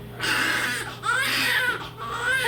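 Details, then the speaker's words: Loud, vigorous cry of a newborn girl just after birth in hospital, rising and falling wails with brief breaths between, a normal strong cry. "She's a loud one, Katie. But you can hear her, but I'm sure you can hear her, but she's definitely loud."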